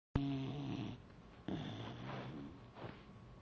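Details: Beagle snoring while asleep on the back of a chair: two rough, rattling breaths with a low snorting tone.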